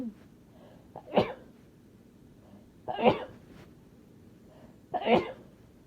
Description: Here’s some sneezes that kind of built up! Might post another soon because I need them out!